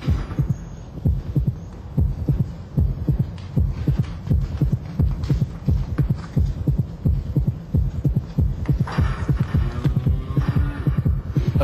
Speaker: A heartbeat monitor strapped to this calf allows us to hear its internal response to alarm at the sight of a dog. Listen to the quickening beat of the heart, pumping out blood to prime other muscle tissues.